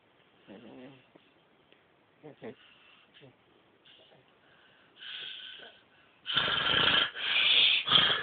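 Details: Soft, irregular breathing noises build into loud, harsh, high-pitched rattling snores toward the end in a sleeping person.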